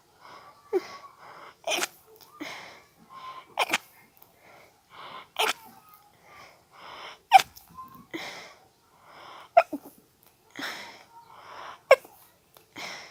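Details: Stifled sneezing fit from a nose tickle, put down to allergies: about six stifled sneezes, each a short gasping intake and a muffled, pinched burst.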